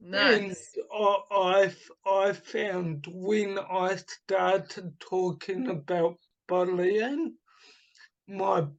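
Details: Adult man with dysarthria from cerebral palsy caused by oxygen starvation at birth, also affecting his right hand; speech formerly very slow, now improved to about two to three times faster but not back to normal.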